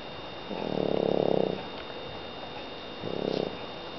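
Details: Two rumbling, fluttering breath sounds about three seconds apart from a sleeping French bulldog; snoring.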